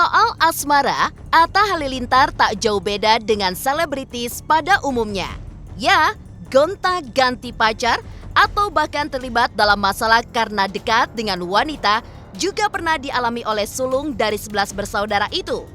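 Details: Adult female narrator; normal voice.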